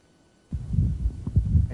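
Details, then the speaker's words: Young man; low heart sounds with a harsh mid-systolic ejection murmur between beats, ejection sound sought at the apex: aortic valve stenosis murmur. "so in this fellow we found evidence of aortic valve stenosis moved to the apex to find the ejection sound"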